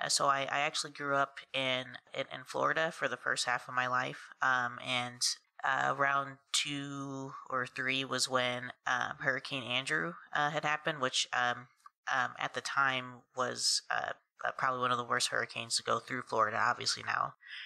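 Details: Adult woman who has stuttered since about age three; her stutter is worse when tired, excited or talking fast; stuttering.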